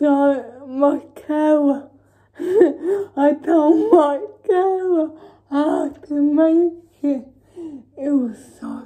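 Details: Dysarthria in a woman with cerebral palsy, talking spontaneously in a day-in-my-life vlog during quarantine.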